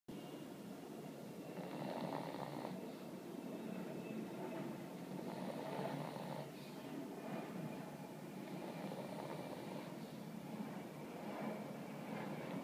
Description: Oscar the Pug having a snooze and snoring, then refuses to get up.